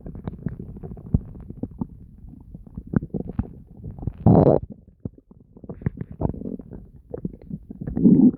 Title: Constant gurgling and deep growls [Stomach noises]